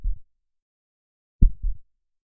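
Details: Low, muffled double thumps of a heartbeat, two beat pairs about 1.4 seconds apart, in silence; a heartbeat audio played to participants in the audio-only condition of an empathy study that used fast and slow heartbeats.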